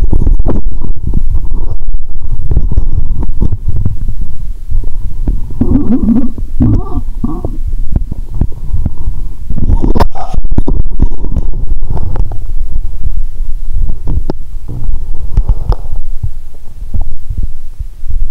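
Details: Woman's upper abdomen heard through a stethoscope after drinking cola with Mentos, belly painful: loud continuous gurgling and rumbling with bubbly bursts, active bowel sounds (borborygmi).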